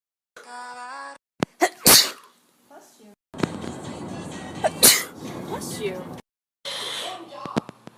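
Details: Sneeze.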